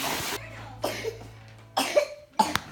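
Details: Four sharp coughs in a short run from a young child who is sick, no fever now, on steroids, and has vomited after eating; brief bursts with small gaps between them; ongoing cough during illness.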